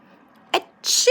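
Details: A pet cockatiel imitates a sneeze, a brief catch then a sharp hissing burst, mimicking people's sneezes.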